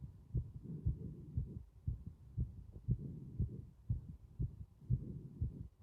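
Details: Heart sounds with prominent breath sounds: regular low heart thumps, around 60 a minute, with soft breathing noise between the beats.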